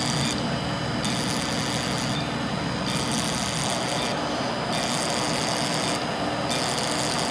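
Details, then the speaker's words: Long runs of hissing, sizzling noise with brief breaks over a constant hum as a fractional CO2 UltraPulse laser is fired over the face right after Halo, treating deeper acne scars. "so now i'm going to do co2 right on top so we're going to start that again here we go yes we do guys"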